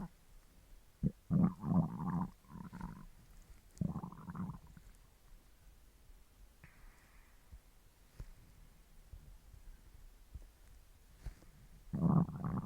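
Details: Hungry person: several low, gurgling rumbles in bursts with quiet gaps between them, stomach growling from gut movement in hunger: borborygmi.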